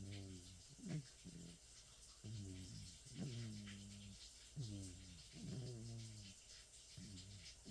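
Soft, low rumbling snores from a sleeping elderly cat, about 26 a minute, slightly irregular.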